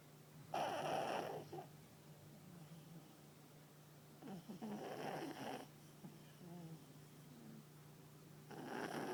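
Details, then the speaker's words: A chubby female papillon dog snores while asleep on the owner's lap, with rough, rattling snores on each breath at about 15 a minute over a low room hum. "Are you snoring? Are you snoring, honey? Go back to sleep."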